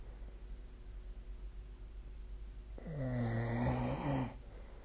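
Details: Snoring recorded overnight with the SnoreLab app, 2025/04/11: after a quiet stretch, one loud, deep, rumbling snore on breathing in over faint room hum.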